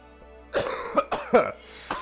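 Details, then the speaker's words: Adult streamer, still sick, with a cough he says has gotten slightly worse while other symptoms are the same or better; throat no longer sore; cough. "Excuse me. As you can hear still not 100%. If anything my cough has gotten slightly worse while again everything else is about the same or better."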